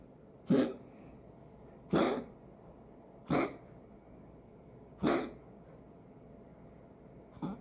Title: Patches coughing